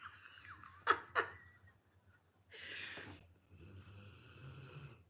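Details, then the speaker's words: Dog snoring loudly after tiring himself out, on the verge of dreaming: harsh, rasping breath followed by a thin whistling tone. "Yeah, it's my dog snoring. Can you hear how loud he is?"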